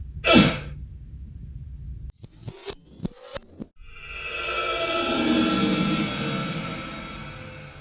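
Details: Simulated cough for a coronavirus mask PSA: a single sharp, forceful acted cough, followed by clicks and a long swooshing sound effect.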